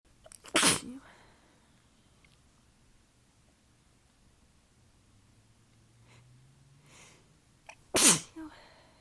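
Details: Sneezing fit attributed to allergies, a change in the weather and fatigue, with throat pain from the sneezes: two forceful sneezes several seconds apart, separated by quiet breathing.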